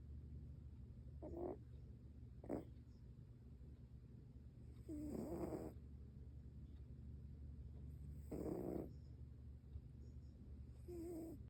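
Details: Snoring in a sleeping subject said to be dreaming: soft, irregular snorting snores and short breathy snuffles over a steady low room hum.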